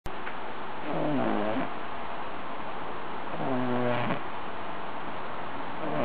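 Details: 2-month-old Ori-Pei puppy sleeping in his dog bed: two soft, whining, nasal snores a few seconds apart over steady background hum; snoring during sleep.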